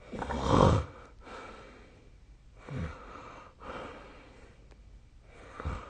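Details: Sleep recording with the SnoreLab snoring app: deep, rattling snores on the in-breath, then quieter breathing out, repeating in cycles; loud sleep snoring.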